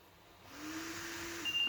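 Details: Trilogy 202 home ventilator being set up with its settings menu locked: a short, high electronic keypad beep sounds over steady airflow and a low machine hum.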